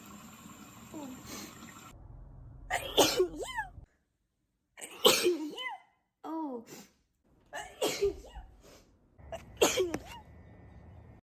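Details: A run of about five sneezes, each a quick inward gasp then a sharp voiced burst, with pauses between; repeated sneezing.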